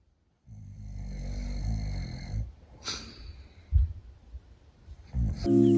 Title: 柴犬姉妹、いびきに驚く! Shiba sisters wondering about the sound of snoring.